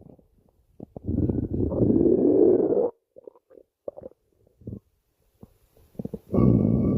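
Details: Stomach growling (borborygmi): low gurgling rumbles with scattered pops and clicks from the belly.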